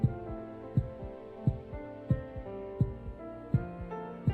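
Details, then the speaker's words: Steady lub-dub heartbeat at about 82 beats per minute with soft background music, played to illustrate valve closure; normal heart sounds. "इसके कारण क्या होगा, लब dub की आवाज आएगी।"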